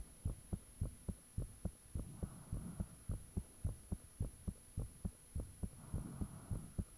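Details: Own heartbeat recorded with the fan off, shortly after the heart began feeling really thumpy: strong, regular beats about 105/min, soft whooshing between some beats said to be blood rushing, faint steady high tone; heart sounds.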